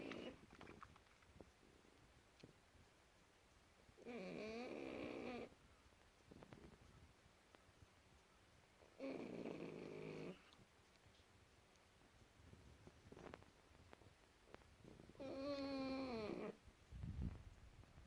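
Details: Tired pug snoring in sleep: three long, loud, rattling snores about five seconds apart, with quiet breathing between.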